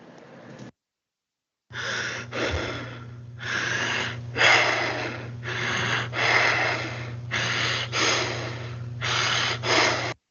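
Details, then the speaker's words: Classroom demonstration of Kussmaul breathing: deep, loud, long breaths at about 35 a minute over a steady hum. This pattern is seen in metabolic acidosis, where it compensates by lowering blood carbon dioxide. "es similar a la taquipnea, pero difiere porque tiene ondas largas y tiene sentido porque están en estados asidióticos este tipo de pacientes y lo que están buscando es compensar la acidez al disminuir la concentración de dióxido de carbono en sangre."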